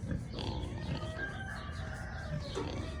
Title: Pig Snoring #kunekune #pig #snoring